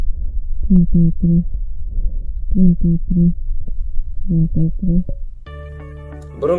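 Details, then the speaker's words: Normal vocal resonance on chest auscultation while "33" is spoken: three muffled, low-pitched indistinct repetitions, as lung tissue filters out the high vowel tones, leaving a low murmur. "Transmisión de la voz normal. El parínquima pulmonar actúa como un filtro selectivo en el que se pierden los tonos agudos de las vocales, escuchándose la palabra en un murmullo de baja tonalidad."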